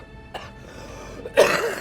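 A single harsh cough bursts out near the end, with a fainter throat sound earlier, over steady background music.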